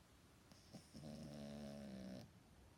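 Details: A single drawn-out, vibrating snore lasting about a second and a half, with quiet room sound before and after; snoring.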